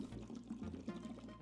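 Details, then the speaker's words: Continuous bubbling of breath blown through water in a bottle (bubble) PEP device, done for 10 breaths by a child with primary ciliary dyskinesia during physiotherapist-guided airway clearance. "next I use a bottle pep or you might hold this a bubble pep it looks like a big water bottle and my job is to blow bubbles using the long Bendy"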